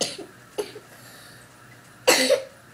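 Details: Three short, dry coughs from a sick child who has been checking their temperature, the last cough loudest, in a quiet room.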